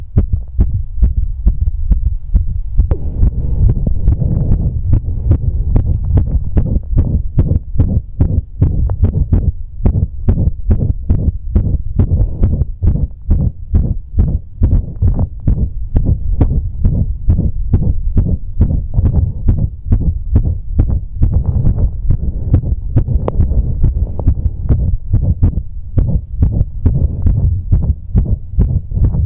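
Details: Irregular heartbeat recorded after exercise, with the beat visible: fast, thumping beats with uneven spacing between them.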